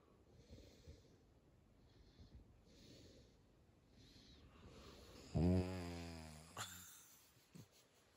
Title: snoring